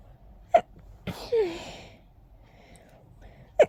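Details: Sneezing fit after a whole day of itchy nose, attributed to pollen: three abrupt, forceful sneezes in quick succession, one with a voiced tail.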